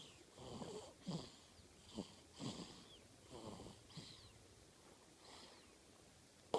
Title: snoring.